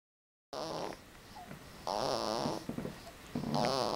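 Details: A Boston dog snoring: short, nasal, snorting snores with a wavering whistle, about three in four seconds; typical flat-faced dog snoring.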